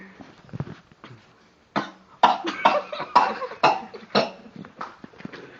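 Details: A monkey at the Pemali hot spring baths, Bangka, gives a run of about six short, harsh coughs in quick succession.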